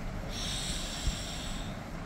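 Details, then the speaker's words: Practice forceful inhalation through a Revolizer capsule dry powder inhaler mouthpiece: a strong, rushing breath drawn in to check inspiratory capacity before prescribing, then to be held about 10 seconds. "কিন্তু আমরা মুখে দিয়ে টান দেন সেটা বলার আগেই আমরা দেখি ওনাকে দিয়ে একটু প্র্যাকটিস করাবো যে মুখে নিয়ে আপনি একটা টান দিবেন। এই দেখেন আপনি এইভাবে একটা টান দিবেন,"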